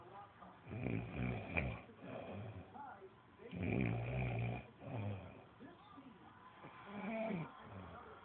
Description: This is what happens when you eat a heavy lunch, snore session when u get home. Dad mom and boyfriend all knocked out.